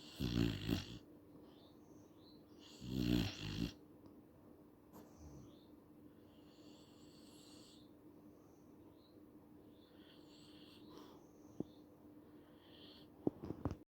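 Two loud, rough snores early on, then quieter breathing with faint whistling sounds against a quiet room.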